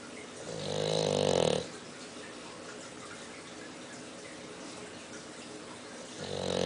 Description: If you thought grandpa snored loudly, you haven't met.